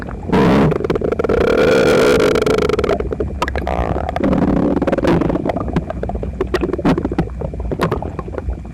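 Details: Loud borborygmi recorded with phone pressed to the belly while gaming, after a breakfast of toast, eggs and milk; person visibly uncomfortable: loud, drawn-out gurgling and groaning with bubbling pops.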